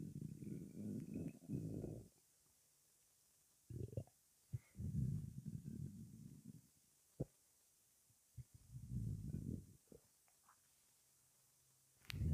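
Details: Stomach after 23 hours of fasting: deep gurgling rumbles in several long bursts with quiet gaps. Stomach rumbling (borborygmi).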